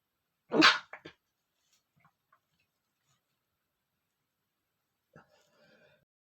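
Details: Sneezing from a male: one forceful, explosive sneeze followed by a couple of small, partly stifled bursts, then quiet.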